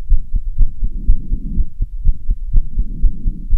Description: After running on the stairs for half an hour I felt very tired and heavy breathing and my heart almost out of my chest